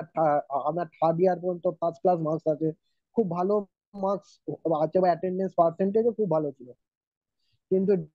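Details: Adult male student with stuttering, recorded on day one before therapy; he stammered notably on a, o, t and especially k sounds.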